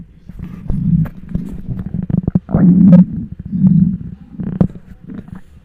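Loud, long gurgling and rumbling from the belly, rising and falling. Hunger growling, normal bowel sounds.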